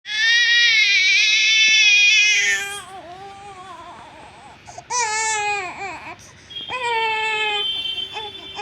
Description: One month old baby Crying।।